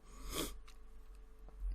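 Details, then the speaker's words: A single short, sharp sneeze from a cat, quiet against low room hum during a podcast. "You can hear another cat is sneezing."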